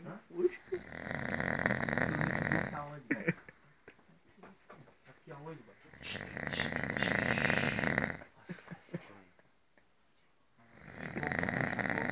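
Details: Man snoring while asleep at a retreat: loud, rough snores lasting a few seconds each, about three in twelve seconds, with quieter breathing sounds between; heavy snoring.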